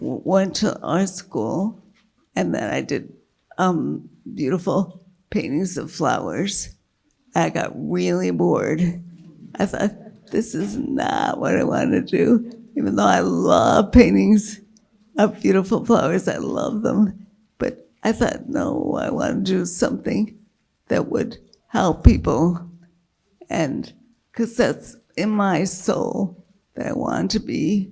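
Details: Woman with multiple sclerosis progressed to quadriplegia and a failing diaphragm, struggling to keep her voice, with an earlier large brain lesion that caused voice and word-finding loss; dysarthria in multiple sclerosis.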